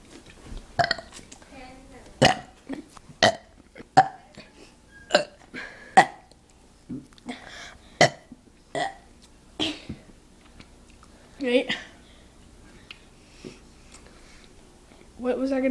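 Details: Two cousins burping on purpose: about a dozen loud burps in quick succession with a little talk between them; voluntary belching.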